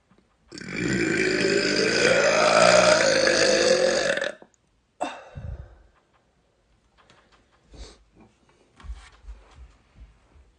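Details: Woman giving a long, loud, voiced belch of about four seconds, then a brief second burp; belching.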